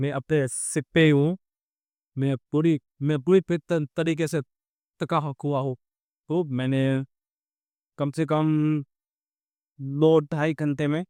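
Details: Real stammering (stuttering) in a male vlogger on day 27 of his stammering-control journey, using pausing and pacing techniques while speaking live on a ferry; a background-noise-removal filter altered his voice.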